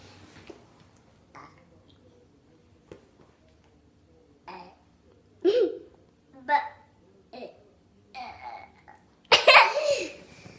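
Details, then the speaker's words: Girl making herself burp on a dare; a series of short voluntary burps, several rough and voiced, ending with one long loud belch; faint room noise. "hi guys we are going to be videotaping doing dares about her burping cuz she could make herself burp"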